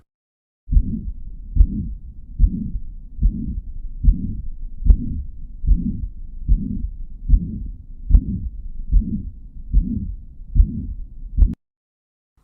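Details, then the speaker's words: Pansystolic murmur of mitral regurgitation in a teaching example: regular heartbeat near 73 a minute with a high-pitched blowing murmur filling all of systole between S1 and S2. "can hear that the murmur is present throughout the whole of systole between s1 and s2 and this is what we call a pan-systolic murmur"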